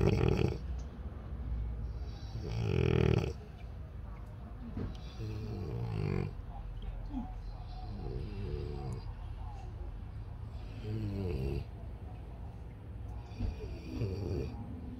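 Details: Loud, rattling, snorting snores with each breath, some harsh and throaty, in a quiet room from a French Bulldog not yet fully asleep; heavy snoring.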